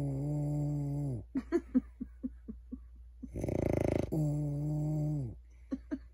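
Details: Man snoring in sleep: long droning, buzzing breaths with a harsh rattling burst between them; soft clicks and noises in a quiet room.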